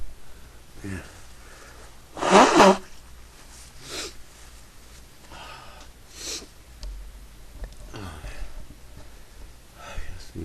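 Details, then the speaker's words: One loud sneeze amid sniffing, breathy sounds and quiet murmuring, followed by weaker sneeze-like bursts, from a person who says they have been sneezing all day and cannot stop; repeated sneezing. "Sneezing. I'm not sneeze. Oh fuck, I'm gonna sneeze again."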